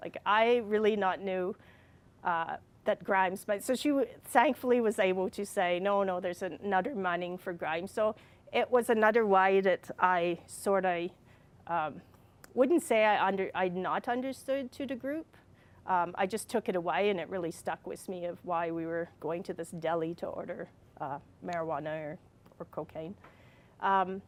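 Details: Adult woman with receptive and expressive aphasia plus apraxia of speech after a brain injury from a fall, speaking more than four years after the injury (aphasia)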